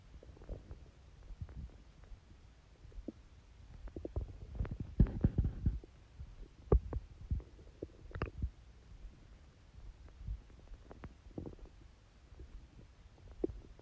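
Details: Watery stomach growls, quieter than usual: irregular, soft, low watery gurgles and rumbles with quiet gaps, ordinary borborygmi from gas and fluid moving through the gut.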